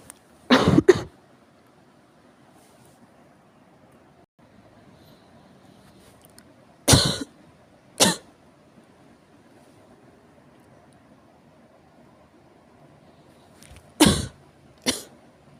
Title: 咳が酷 severe cough